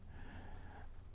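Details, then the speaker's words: Dog snoring during a live coin auction, used by its owner as a timer; snoring. "i'm doing this by the sound of my dog's snoring that's my timer everybody's got to have something going on in their life"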